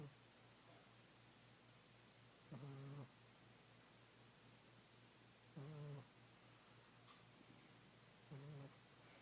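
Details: Old, overweight pet cat snoring loudly while sleeping soundly and dreaming.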